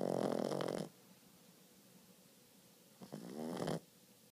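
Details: 4-month-old Boston Terrier puppy Brody asleep: two loud, fluttering, rattly snores separated by a quiet pause of about two seconds; snoring.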